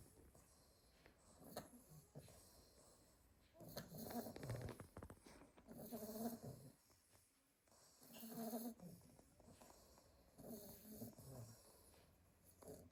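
Soft, snuffly snoring with rough, raspy breaths at irregular intervals, several animals breathing together. Puppy snoring.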